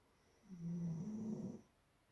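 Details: Doodle dog snoring: one low, buzzing snore lasting just over a second, with quiet before and after.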